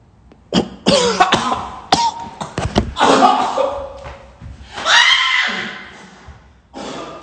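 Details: Man coughing after smoking: harsh, rapid, repeated coughs, roughly six or seven bursts close together, with strained breathing between; a prolonged coughing fit.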